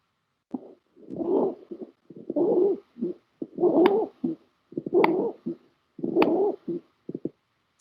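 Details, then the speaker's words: Voiced imitation of wheeze/rhonchi heard with bronchial involvement: low, rattling, cooing breath-like sounds repeated in a steady rhythm, demonstrated while teaching lung auscultation in pneumonia. "si usted tiene una afectación de los bronquios va a escuchar una sibilancias un roncus que se escucha más o menos así"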